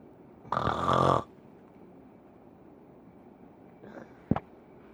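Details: Snoring: one loud, rattling snore, then quiet and a brief snort.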